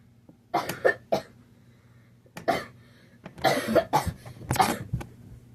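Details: Person still sick while practising a jump: about eight harsh cough bursts in a few clusters, separated by quiet pauses; repeated coughing during an illness.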